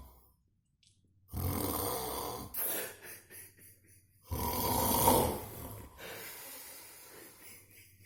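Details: Snoring after a tiring day: loud, rattling snores on two breaths, each trailing off into quieter breathing, in a quiet room.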